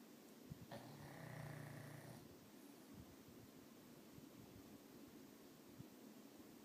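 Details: Remo snoring in sleep: a single low, buzzing snore over steady background hiss, then quieter rough breathing.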